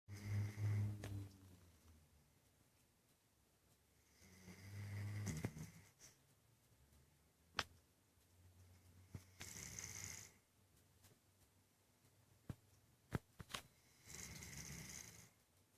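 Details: Nearly 12-year-old female dog (three months short of 12) sleeping with her tongue out: low rumbling snores alternating with softer hissing breaths, about four breaths in 16 seconds, with faint clicks; snoring.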